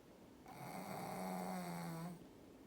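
A single drawn-out, buzzing, tonal snore on inhalation, rising then fading; ordinary snoring during a nap.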